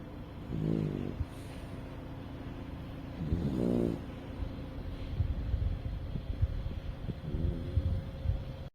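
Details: Pet dog napping before bedtime beside a companion; soft, low snores about every three seconds over a background hum, with some rustling near the end; snoring.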